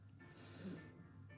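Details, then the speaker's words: Brief low gurgling stomach rumble over soft background music during a live drawing session; ordinary stomach rumbling (borborygmi), a normal gut sound. "I'm really sorry if you can hear my stomach"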